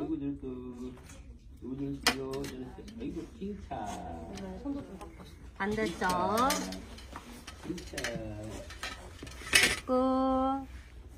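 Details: Baby crying after a vaccination injection: rising, wavering wails, a common and normal reaction to the shot.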